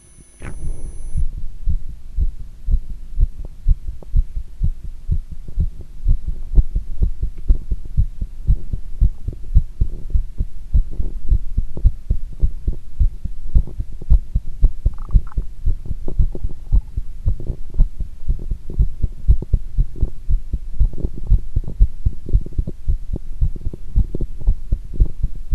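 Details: Heart sounds recorded during squats: fast, low heart thumps at about 118 a minute with movement noise.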